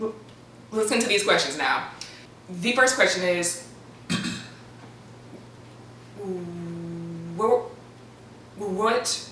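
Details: Stuttering in an adult man reading questions; some stuttering edited out, though still representative.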